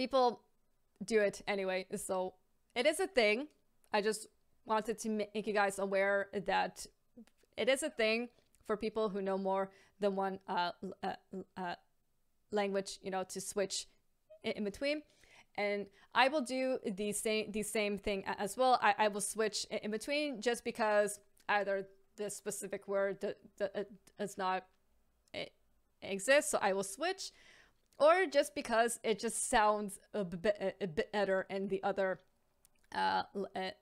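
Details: Adult woman with a stammer, stammer advocate; word and syllable repetitions and fillers; stuttering (stammering).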